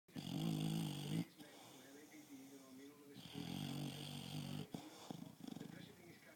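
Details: English Bulldog snoring and dreaming during an afternoon nap: loud rattling snores with softer whimpering breaths between them, ordinary snoring in a short-nosed dog.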